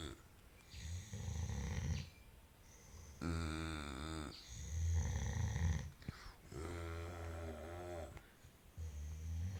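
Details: snoring: regular loud, rattling, droning breaths with a buzzing, vibrating quality, roughly four in ten seconds.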